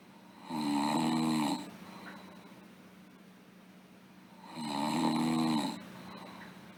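Two loud, buzzing snores on the in-breath, about four seconds apart, with quiet out-breaths between them. Typical snoring.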